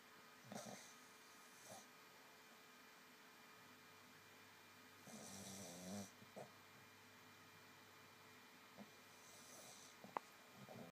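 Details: Dog named Missy snoring while asleep: soft, quiet snorting snores with airy hissing breaths at irregular intervals in a quiet room.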